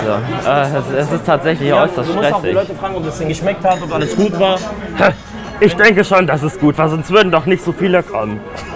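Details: Adult speaking German in a café, background music; ordinary speech.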